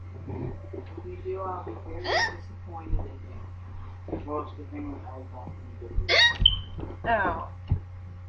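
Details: Child with persistent hiccups that would not go away: short, sharp gulping catches breaking into the child's voice over a steady background hum; hiccups.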